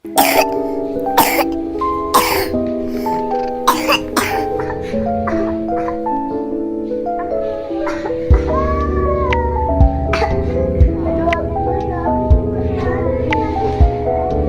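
About five sharp coughs in the first few seconds, heard over steady background music.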